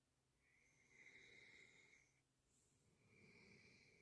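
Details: Soft whistling snores on slow breaths, about two in four seconds, from a tired sleeping puppy, possibly dreaming; snoring.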